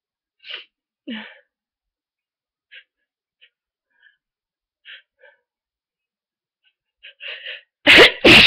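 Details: Person with a cold, with earlier fever and sore throat, now severely congested: repeated short sniffs and stuffy breaths, slow-to-come sneezes, then two forceful sneezes in quick succession at the end.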